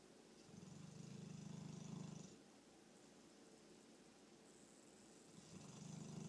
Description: 6 month English mastiff snoring